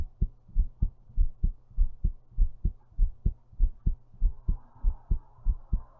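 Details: Own heartbeat recorded while lying down, described as thumpy: steady, strong, forceful but regular thumping at about 100 beats a minute.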